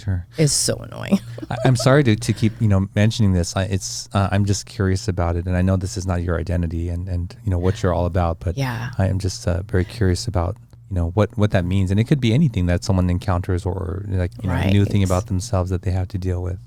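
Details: Adult male speaker; ordinary speech.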